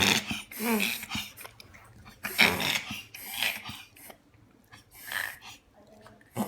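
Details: A dog in a full-on reverse sneezing episode makes repeated loud, harsh snorting breaths in quick bursts.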